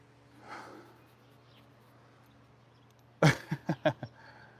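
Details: A large dressage mare during an equine chiropractic maintenance adjustment gives one sharp, forceful nasal snort then four quicker fluttering blows through the nostrils, against a quiet room; snorting.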